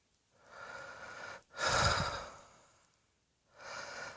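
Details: Adult lounging on a bed with a big belly heaving: a noisy breath in, a single forceful fading cough, then another audible breath in; cough.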